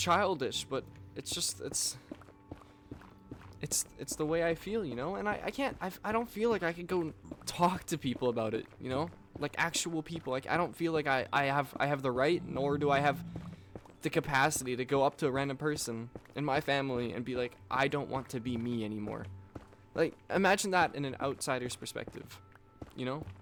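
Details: Male speaker with self-reported stuttering, stumbling over words and repeating the same phrases over and over; he notes he is stuttering while speaking.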